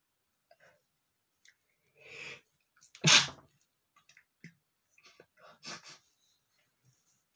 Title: male sneezing #35 (DAMN DUST GOT IN MY NOSE!!)